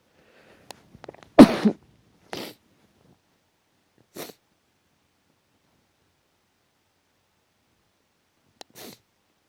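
A few short sharp sneezes, one strong then several smaller, with quiet gaps; allergic sneezing.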